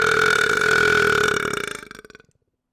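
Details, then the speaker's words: Person belching: a long, loud, rumbling belch lasting about two seconds, trailing off into a series of gulping pulses. "excuse me y'all so that was a pretty good belch I think"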